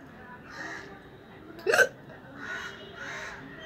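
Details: Hiccup challenge recording of a real hiccup, no water taken: one sharp, abrupt hiccup between soft breaths.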